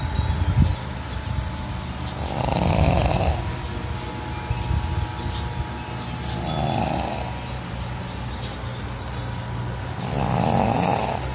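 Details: Pug snoring loudly while asleep: three loud, rasping snores about four seconds apart, roughly 15 breaths a minute, over steady room noise.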